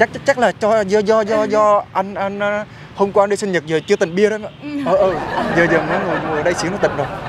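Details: Acted stuttering by a young man in a prank video, speaking with repetitions: stuttering (acted)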